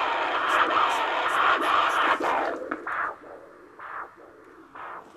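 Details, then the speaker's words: Rhythmic, loud, strong whooshing pulse from a foot artery on a handheld Doppler during a diabetic foot check, with blood pressure at the foot over 180, taken to mean hardening of the arteries. "yeah this is a Doppler it's the same thing we use to check fetal heart rate yeah you can hear a baby beating in your foot hear that that's a blood flow to your"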